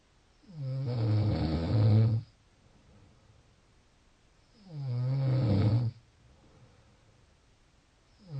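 Loud, low rattling snores on each breath in, about 16 a minute, with quiet pauses between; ordinary snoring.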